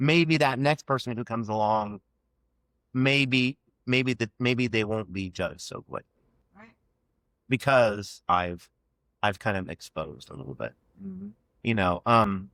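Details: Adult man who has stuttered since childhood and had years of speech therapy aimed at fluency; real, spontaneous conversational speech with stuttering.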